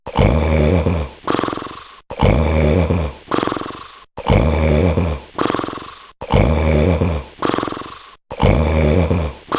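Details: Loud, rough, rattling snores, about 29 a minute, each a long harsh inhaled rumble followed by a shorter snort; heavy snoring during sleep.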